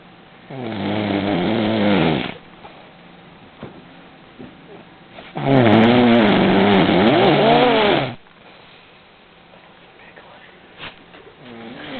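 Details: Old man snoring loudly while others listen to how loud he is: two loud, rough, rattling snores about five seconds apart with quiet breathing between; heavy snoring.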